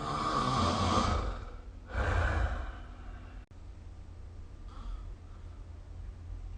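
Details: Snoring recorded with the SnoreLab phone app: soft, breathy snores over a steady low room hum, with two rough breaths close together, then fainter breathing.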